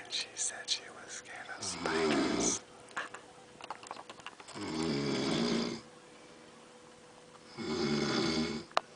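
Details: Woman snoring in San Quintín, Mexico: three loud, rattling snores, about 20 a minute, with faint background whispering; snoring.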